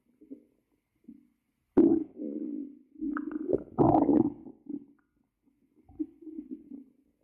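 Low gurgling rumbles in several bursts over about seven seconds, typical stomach growling from gas and fluid moving through the gut.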